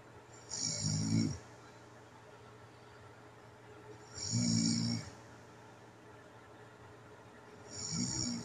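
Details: Rough, hissy-edged snores about every 3.5 seconds with quiet gaps, from a sleeper with sleep apnea; snoring.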